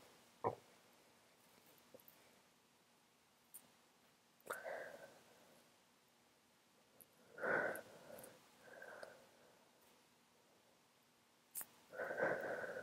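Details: Several quiet, muffled, held-back sneezes with short sniffs and breaths between them in a quiet room, in a sick adult with flu and a cold caught from a coworker sneezing on them; stifled sneeze.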